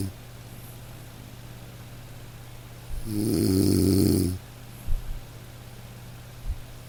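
One rattling snore over a second long against steady light rain, with a couple of soft thuds; gentle snoring in sleep.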